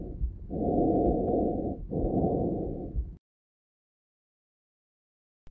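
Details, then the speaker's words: Normal tracheobronchial breath sound: a high-pitched blowing sound heard over the projection zones of the large airways. "c'est un bruit soufflant de haute tonalité il est entendu dans les zones de projection des grosses voies aériennes"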